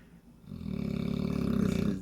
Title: Snoring puppy,yup puppy 6 months old!